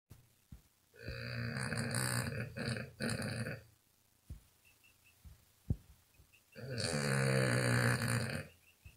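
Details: Sleeping female puppy snoring: loud rumbling snorts on breathing in, separated by quiet pauses, snoring enough to wake herself up.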